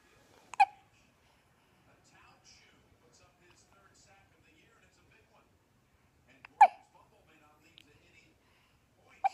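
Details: Hiccups recorded 2015-10-18: two sharp, abrupt vocal hics about six seconds apart in a quiet room.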